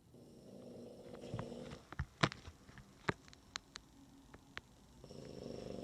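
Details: Snoring from a sleeping grandmother, recorded in the morning after an overnight stay: a low, rattling snore on breathing in, then a quiet pause with faint clicks and rustling before the next snore.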